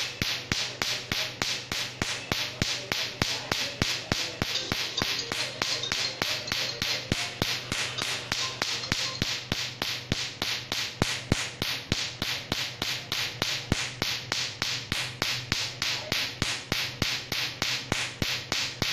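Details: Rapid, regular sharp snapping clicks, about 200 a minute, from a tattoo removal laser firing pulses during a tattoo removal session.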